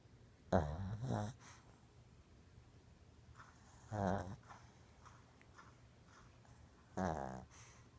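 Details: Sleeping Shih Tzu dog: repeated low, rattling snores at irregular intervals, about one every three to four seconds, with quiet breathing between; snoring.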